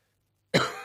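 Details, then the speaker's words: An adult with a cold (coughing, sneezing, runny eyes and nose, hoarse voice, says not COVID) gives one abrupt, harsh cough burst after brief silence, fading quickly. "it's just coughing and sneezing and runny eyes runny nose that's it like it's it's a cold that's too lazy you know"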